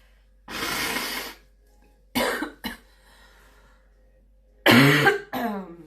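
A few loose coughs and throat clearing in a quiet room, in an adult with a cold.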